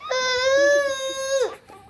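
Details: Infant cry from a possibly hungry baby girl: a single sustained, high-pitched wail lasting over a second that falls off at the end.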